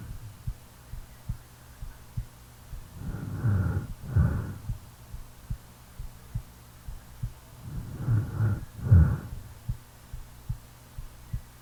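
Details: Real self-recording made while sleeping: faint, regular low heart thumps under two pairs of loud snoring breaths; normal heartbeat with snoring.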